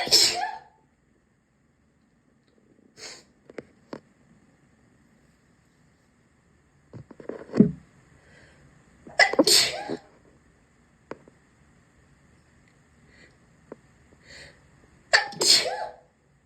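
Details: Sneezing in a bathroom: about four loud, sharp sneezes with quiet pauses, plus a few softer breaths and sniffs in a quiet room.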